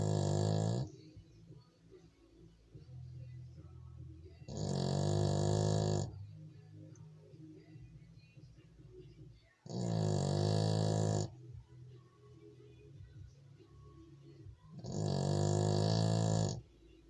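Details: Former Spanish street dog, adopted six years earlier, snoring while asleep: loud, rough snores about every five seconds, roughly 12 breaths a minute, with quieter out-breaths between.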